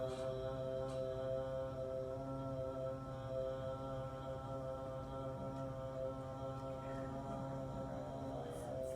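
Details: Parkinsonian hypophonia in a man with Parkinson's disease, heard as a sustained 'ah' recorded before Lee Silverman Voice Treatment (LSVT LOUD).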